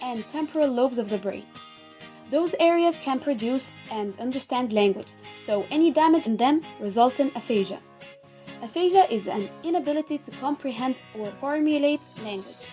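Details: Adult female narrator; normal speech.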